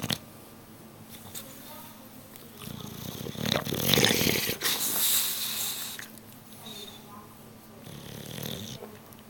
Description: rocky the bulldog is snoring...once again